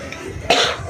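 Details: A single short, sharp dry cough without rattle, over faint background music, from a person with a dry cough that is affecting their voice.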